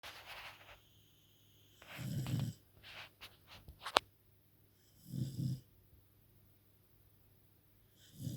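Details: Female dog asleep, snoring very loud: low rattling snores about every three seconds with soft breathing noise between them; snoring.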